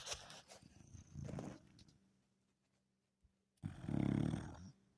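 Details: Sleeping dog snoring: rough, low snorting rumbles with a pause between breaths.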